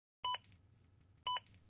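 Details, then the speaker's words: ZOLL AED Plus with Real CPR Help, which senses chest compressions through its one-piece pad: two short two-tone electronic beeps about a second apart, a metronome prompt that speeds rescuers who are not pushing fast enough. "CPR for more than a few seconds for rescue breaths the ad plus will tell you until you do continue CPR not pushing fast enough the beeps will speed you up"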